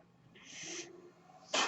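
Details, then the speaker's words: Mechanical ventilator that a podcaster says is his own, audible in the background as he introduces his podcast: a mechanical ventilator breath cycle. "Hello, everyone. My name is. That noise you're hearing is my ventilator. And welcome to Page Turners They Were Not, my Star Wars podcast."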